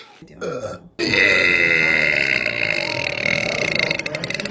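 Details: A short burp, then a long, loud, rumbling belch lasting several seconds, from a woman in a burping compilation; burping, or eructation.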